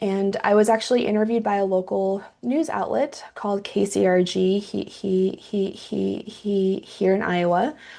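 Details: Stuttering in a woman who identifies as a person who stutters, with audible sound repetitions; she finds metronome-paced speech fluent-sounding but taxing.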